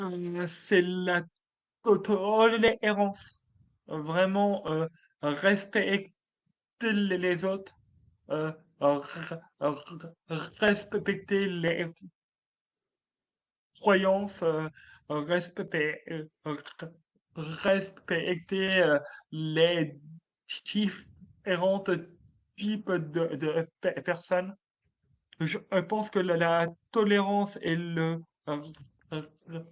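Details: Adult man, a French-speaking comedian, who has stuttered since childhood, detected at age 4, and who calls it a speech disorder; stuttering.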